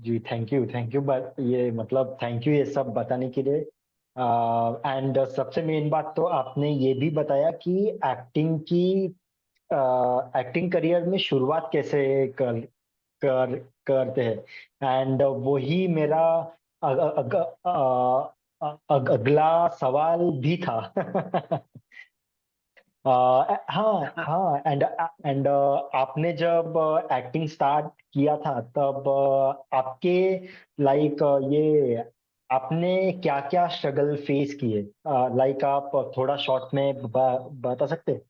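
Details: Adult Hindi-speaking man who has stammered since about 2007; stuttering.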